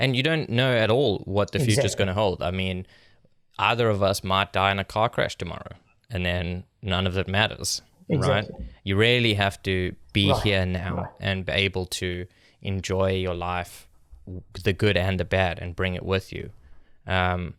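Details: Adult male speaker; normal speech.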